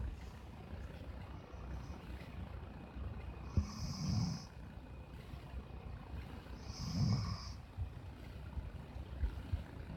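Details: Shepherd dog sleeping with its head on a human pillow, snoring: two slow, soft snoring breaths with a low rumble and faint hiss over steady background noise.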